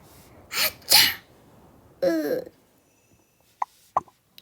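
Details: Acted sneezes during children's pretend sick-day and doctor play: two sharp bursts with a noisy exhale, then a short voiced gasp and a couple of small clicks.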